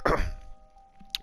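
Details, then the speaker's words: Adult whose sinuses suddenly started draining, sneezing and coughing while recording gameplay: a single abrupt cough burst over steady game music. "so real quick one apologizes you can hear me sneezing and coughing yeah my sinuses just started draining all of a sudden"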